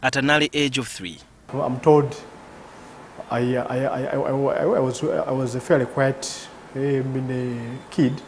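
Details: 38-year-old man, father of two, who has stuttered since about age three; involuntary breaks and repetitions in speech; stuttering.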